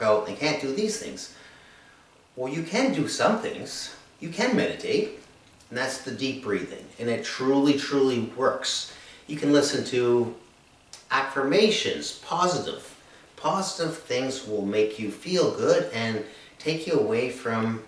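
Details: Adult man diagnosed with anomic aphasia three years after an accident causing brain injury and three strokes, with word-finding difficulty, word substitutions and trouble processing speech: anomic aphasia.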